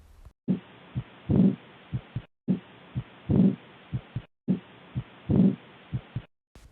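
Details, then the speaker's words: Heart auscultation demonstration of an aortic regurgitation murmur, caused by poor closure of the aortic valve with backflow in diastole: repeating heart sound cycles at about 30 a minute with a soft, continuous, blowing diastolic murmur between beats. "Já no sopro por insuficiência aórtica, ocorre o refluxo sanguíneo por mau fechamento da válvula. Ela ocorre na diástole."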